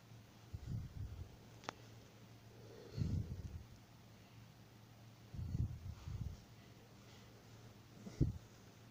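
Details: Soft, low snoring rumbles, about four in nine seconds, in a quiet room; ordinary snoring.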